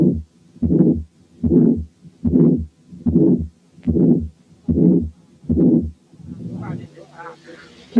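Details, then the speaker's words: Aortic stenosis on teaching auscultation: a regular heartbeat near 74 a minute, each beat carrying a harsh rushing ejection systolic murmur; a longer murmur indicates more severe stenosis. "تعالوا نسمع أولا حالة aortic stenosis بس فيها ejection systolic murmur."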